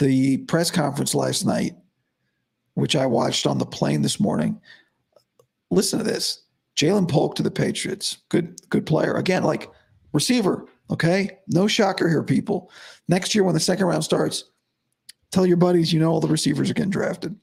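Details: Adult man, about five to five and a half weeks after vocal cord surgery; he reports daily improvement, though today likely unchanged from yesterday after heavy voice use and no sleep. Dysphonia after vocal cord surgery.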